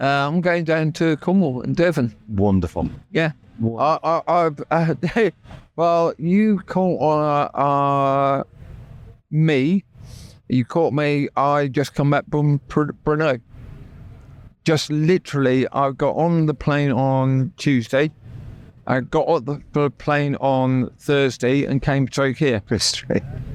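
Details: Real adult man with persisting aphasia after a near-fatal stroke that paralysed his right side; he had to relearn speech, leaving hospital able to say only three words, and still knows what he means but the words come out differently.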